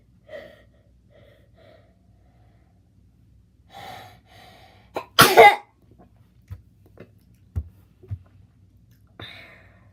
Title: Making my self sneeze